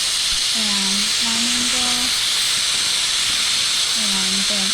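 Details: Magnetostrictive ultrasonic scaler used on a typodont, mandibular anterior sextant, operator seated at 9 o'clock, dental hygiene training demo: steady high water-spray hiss with short tonal squeals as the tip adapts along tooth surfaces.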